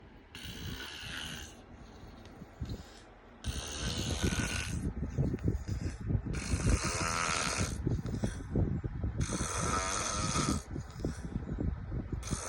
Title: Snoring loud and sexy